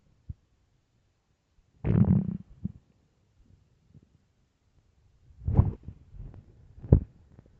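Several low gurgling rumbles come in short bursts with silence between them. These are ordinary hunger stomach growls.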